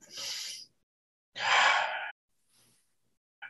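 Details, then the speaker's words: Medical student's first stethoscope use, listening to the lungs on their own chest: two loud, airy breaths with pauses, then a faint third; sharp, gasp-like inhalations and exhalations with no wheeze. Normal breath sounds. "so using your left hand check your chest so listen to the air that is in your chest"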